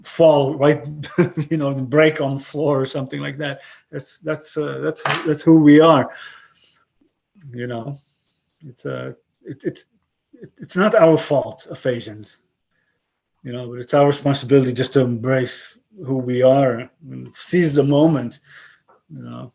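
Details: 62-year-old man with aphasia after a stroke about 11 years earlier; he lost his other languages but kept broken English and Hebrew; aphasia.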